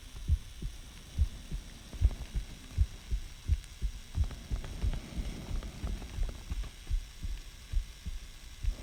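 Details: Paired low, close, muffled heartbeat thumps about 90 beats a minute with faint rubbing noise; self-recorded heart sounds, owner asking whether the heart sounds healthy.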